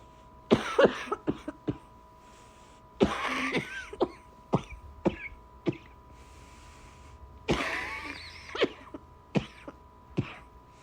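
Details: Clusters of short, harsh coughs and throat clearing, about a dozen bursts, over a steady room hum; coughing during a December cold.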